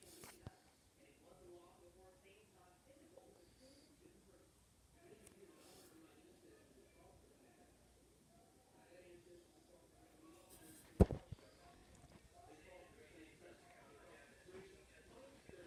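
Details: Stomach growling (borborygmi): quiet, continuous low gurgling and rumbling from the abdomen.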